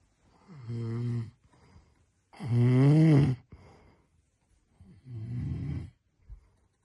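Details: Man snoring while asleep: loud, low, rattling inspiratory snores, three in about seven seconds with quiet pauses between, keeping a roommate awake.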